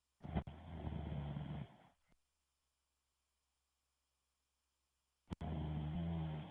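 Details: Snoring.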